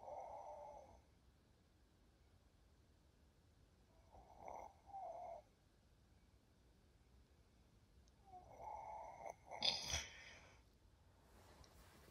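Rough, noisy snores separated by quiet pauses, ending in a louder snort, in an adult with sleep apnea.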